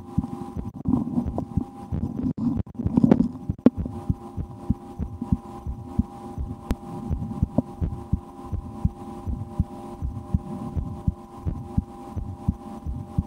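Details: Own heartbeat heard through a stethoscope in an ASMR recording, with breath-holding and efforts to speed the heart, after a lunch with loud digestion: steady low thumps over faint hum and handling noise; normal heart sounds.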